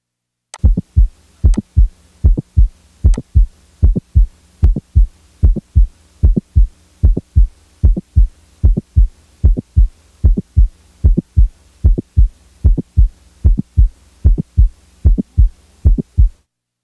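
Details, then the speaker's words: Mitral valve prolapse patient, stethoscope recording: regular heartbeat near 75/min with a brief sharp mid-systolic click between first and second heart sounds. "late systolic murmur in a patient with a mitral valve prolapse now the mid-systolic click is added"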